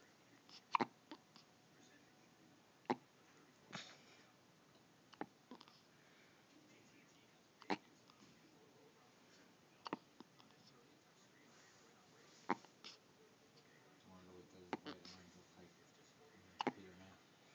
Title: hiccups